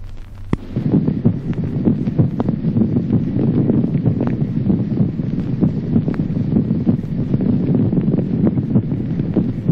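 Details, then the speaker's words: Secondary muffling of both heart sounds in pulmonary emphysema, with added bronchiectatic inspiratory murmurs: faint, muffled heart sounds buried under loud rushing breath noise. "Apagamiento secundario de ambos ruidos cardíacos en el enfema pulmonar como signo agregado soplos inspiratorios bronquiectásicos."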